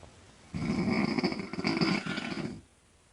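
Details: A single long, loud, rattling breath of about two seconds with a coarse fluttering buzz, from a 42-year-old woman sleeping in bed; snoring.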